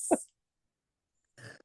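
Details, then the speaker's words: A single short, harsh smoker's cough from an adult long-term cigarette smoker recovering from stage 4 colon cancer, followed by quiet. "So yeah, hear that smoker's cough? Yes, I kicked cancer's ass with a cigarette in my hand."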